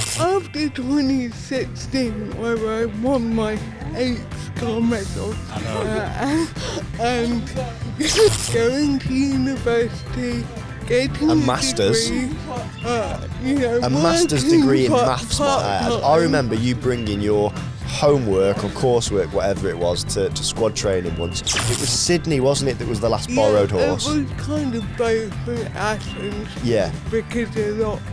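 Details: Adult woman with cerebral palsy from birth affecting her speech, Paralympic dressage rider; dysarthria (cerebral palsy).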